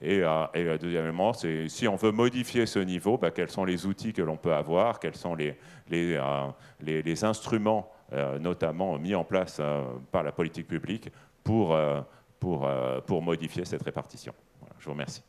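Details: Adult male speaker, French; Normal speech.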